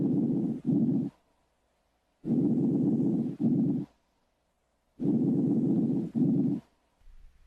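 Three soft, low-pitched rustling breaths, each a longer inward sound and a brief outward one, about 22 breaths a minute: normal vesicular breath sounds.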